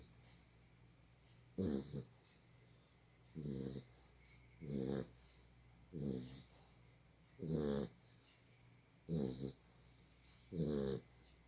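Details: Sleeping dog: rhythmic, rattling snores about every 1.5 seconds, roughly 40 per minute, with quiet gaps between; ordinary snoring.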